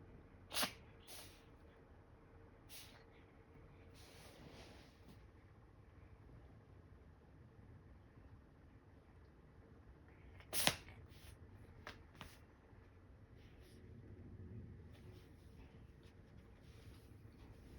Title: Allergy season for my cat, she keep sneezing!